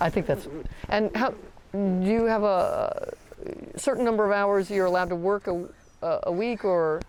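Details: Adult speaker in conversation; ordinary speech.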